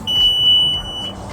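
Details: Oxygen concentrator start-up tone: a single steady high-pitched electronic tone about one second long, heard when the machine is turned back on during a training demonstration of troubleshooting concentrator alarms.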